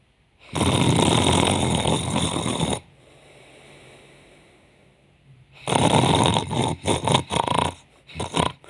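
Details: Adult woman pretending to be asleep and faking snoring: a long harsh rattling snore on inhaling, a quiet pause, then a burst of shorter snorts; imitated snoring.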